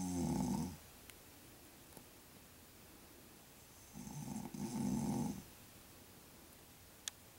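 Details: Adult man (a father) snoring while asleep in his bedroom, recorded secretly; two rough, rattling snores on breathing in, separated by a few quiet seconds: ordinary snoring.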